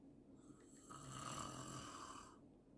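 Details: Adult man (husband) snoring loudly in sleep: one long, loud, rattling snore on the in-breath, rising and then fading over about two seconds, in a quiet room.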